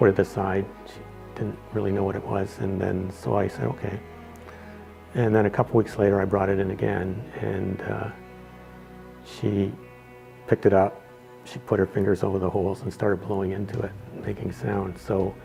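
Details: Adult man speaking; Normal speech.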